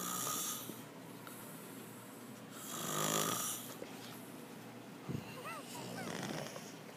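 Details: Adult male friend, drunk and passed out, snoring: slow, rough rattling breaths about one every three seconds, with room noise.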